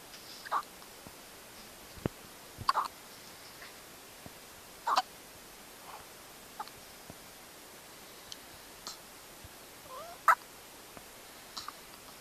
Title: Hiccups at Hospital